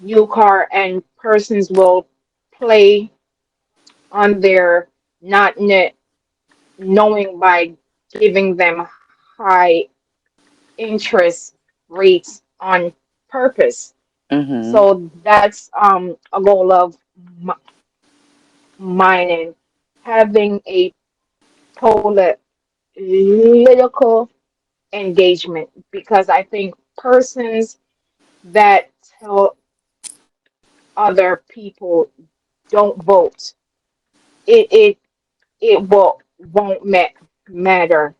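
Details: Adult woman with a self-reported speech impediment she calls a "quote unquote disability" and says listeners can hear; dysfluent speech; speech impediment.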